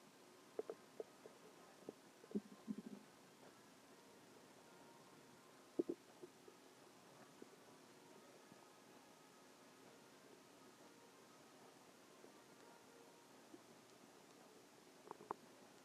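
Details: Stomach growling: soft gurgles and bubbling pops in brief clusters over a quiet background, ordinary borborygmi from gut movement.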